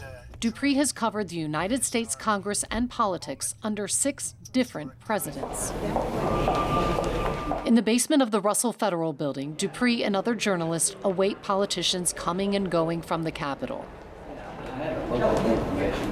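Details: Adult narrator; normal speech.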